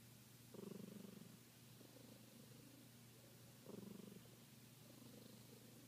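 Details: A resting cat with her eyes covered purrs with a soft, rumbling snore on each breath, with louder swells every few seconds: snoring with purring.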